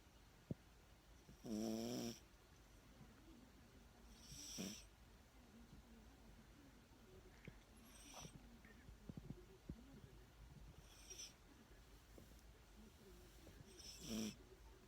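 Several short rasping snores at irregular intervals, with quiet breathing noise in between; snoring in a small dog.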